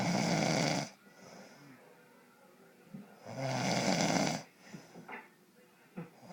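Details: Adult man (father) snoring in sleep: loud rattling snores on breathing in, two in about six seconds, with quiet pauses between.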